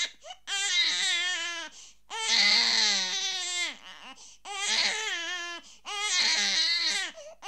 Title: Unhappy baby Crying sound effect